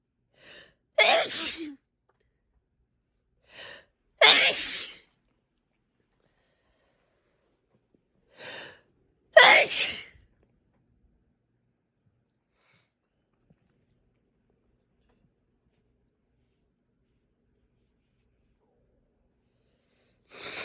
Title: Powerful wet sneezes